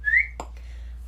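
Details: Young woman with Tourette syndrome with coprolalia, who has expletive and whistling tics; whistling vocal tic.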